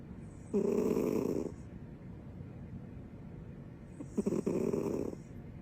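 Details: Snoring with her tongue out: two rough, vibrating snoring breaths about three and a half seconds apart, with quiet breathing between them.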